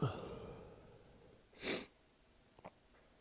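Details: Single sharp, explosive sneeze in a quiet room, followed by faint clicks; held-back sneezes let out while another person showered after a session; sneezing.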